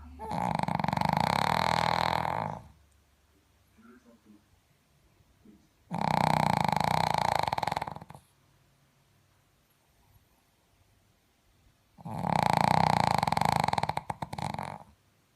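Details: Dog snoring while asleep: three long, loud, buzzing snores with quiet gaps, about 12 breaths a minute, heavy snoring.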